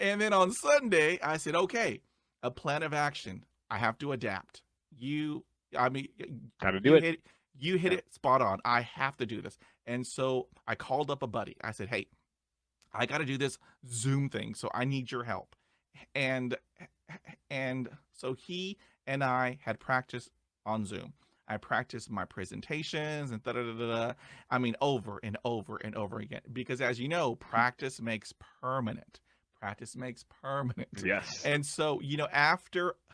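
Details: Male podcast host who describes himself as a person who stutters, with repeated interjections and part-word repetitions; he reports having blocks and repetitions; stuttering.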